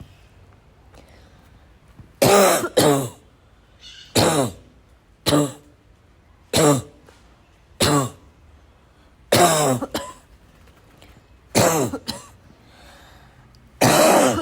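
About ten coughs and throat clears in quick succession over fourteen seconds in a quiet room; a persistent, repetitive cough.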